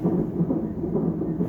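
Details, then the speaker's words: Fetal heartbeat on a Doppler monitor at 33 weeks in preterm labour, with the mother on IV antibiotics and steroids for the baby's lungs: rapid, muffled whooshing pulses at 140 beats per minute, with the baby moving. "we're doing fine and you can hear baby's heartbeat in the back um he is moving"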